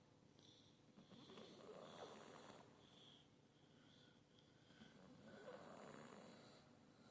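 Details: Sleeping cat snoring lightly: soft, rhythmic snuffling breaths over room noise.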